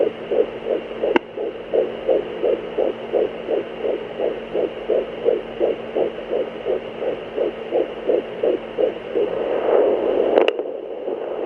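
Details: Fetal heartbeat on Doppler: rapid, regular whooshing pulses at roughly 160–170 per minute, a normal fetal heart rate.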